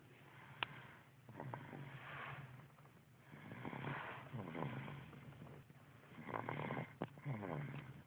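Rough, rattling snores on breathing in, recurring every few seconds with quieter breaths between; ordinary snoring.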